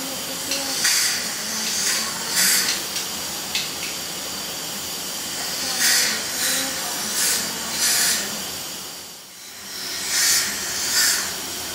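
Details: Steady hiss of dental suction and air-water spray with repeated short bursts during a dental cleaning of a 5-year-old girl on a follow-up visit after a cavity drilling and filling, with fluoride application planned.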